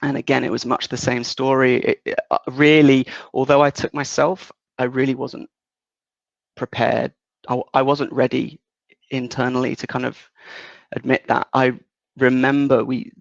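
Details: 37-year-old man with lifelong developmental stuttering since about age three, worse in childhood, partly controlled as an adult, worse under stress or anxiety; stuttering.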